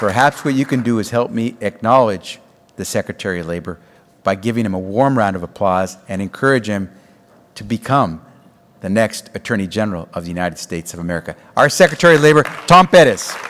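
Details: Adult male speaker; normal voice.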